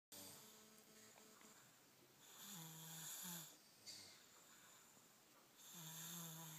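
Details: Sleeper snoring: loud, slightly whistling snores with rising and falling pitch, about three breaths heard; ordinary snoring during sleep.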